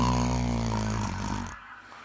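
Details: A single long, low, buzzing breath with a rattly vibrating quality, fading into quiet room noise; snoring.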